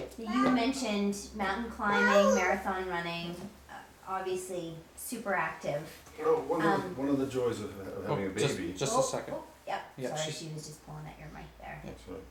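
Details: Adult woman speaking; normal speech.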